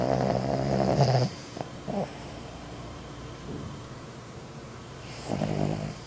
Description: Owner Plays Video of His Dog's Snoring to His Dog